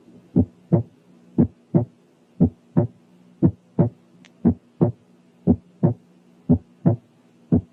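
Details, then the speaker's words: Accentuated second heart sound: regular paired heart sounds near 60/min, S2 much louder than S1 with a ringing quality. "لكن إذا كان الانتنسيتي of the second sound أعلى كتير من الفيرست بيكون accentuated، وخاصة إذا كان له رنة زي المثال الآتي."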